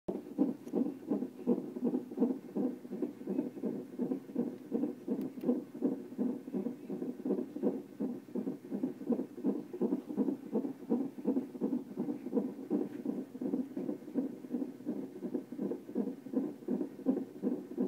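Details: Fetal heartbeat recorded in hospital before birth: fast, regular whooshing pulses at about 165 beats a minute.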